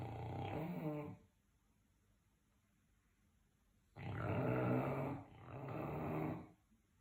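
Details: A sleeping dog snoring with low, rattling, fluttering breaths separated by a quiet pause.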